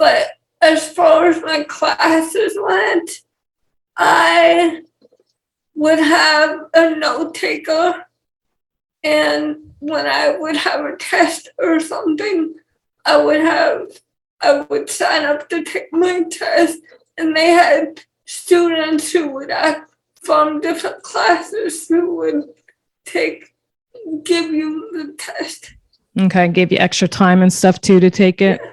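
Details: 28-year-old woman with cerebral palsy and cortical vision impairment, with speech issues; speech impairment in cerebral palsy.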